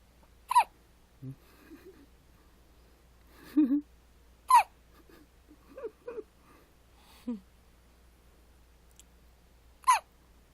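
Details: Sharp, short hiccups from baby A-kin recurring about every four to five seconds, with soft baby sounds and breathing between, in a quiet room; infant hiccups.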